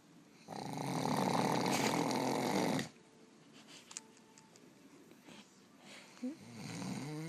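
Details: Sleeping man, an occasional snorer: one long, loud, rattling snore lasting over two seconds, then quiet breathing with faint room sounds; snoring.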